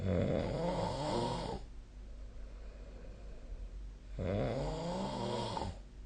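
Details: Sleep snoring recorded with the SnoreLab app on 2025/04/11: two loud, rattling inspiratory snores about 4 seconds apart, separated by a quieter exhale, over a steady room hum.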